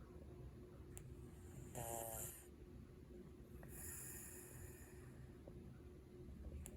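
Two soft snoring breaths from a sleeping cat, one with a faint rattling flutter, over steady room noise.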